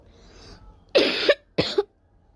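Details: Two short, harsh coughs from a girl with a sore throat and hoarse voice for two days, the first longer and slightly rasping, in a quiet room.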